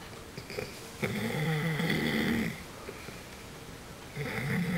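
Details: A loud, rattling, low snore from an adult on an in-breath, then a quieter pause and the start of the next snore; ordinary adult snoring.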